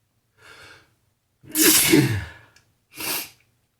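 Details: Sneezing in a person unsure whether it is spring allergies or a cold: a short in-breath, then a loud, forceful sneeze and a smaller second burst.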